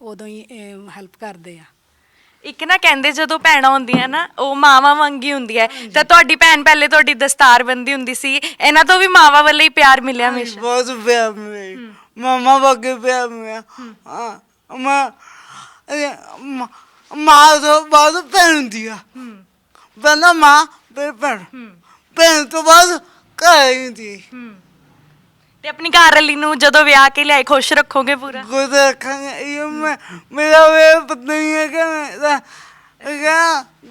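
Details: Stammering with impaired articulation in a young man whose speech problem has been present since birth; he also has a disabled hand.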